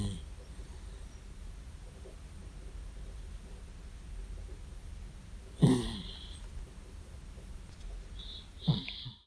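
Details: 14-year-old male cat snoring during sleep: quiet, irregular snuffling breath noises with two louder snorting snores near the end; ordinary snoring.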